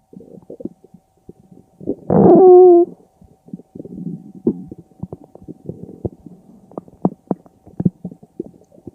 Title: stomach growled